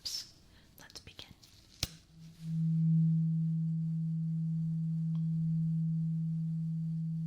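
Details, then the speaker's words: A tap on a tuning fork, then a steady low hum that slowly fades: a tuning fork hearing test in a simulated ASMR ear exam for clogged ears, with the listener asked to say when the sound stops. "So, I'm going to hit this and it's going to make this sound. Okay? So, just tell me when it stops."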